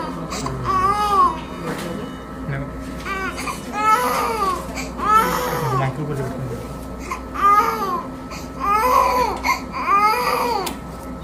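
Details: 4-month-old baby waking from general anesthesia and extubation after cleft lip repair surgery: repeated strained, high-pitched crying bursts with room noise and faint music.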